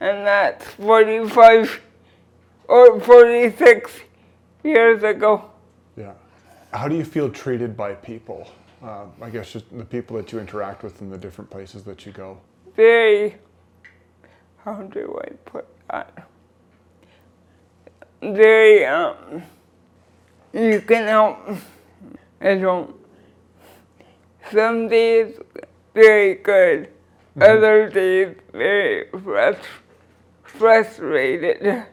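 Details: Dysarthria in a 46-year-old woman with cerebral palsy since birth who uses a wheelchair; finding: dysarthria (cerebral palsy).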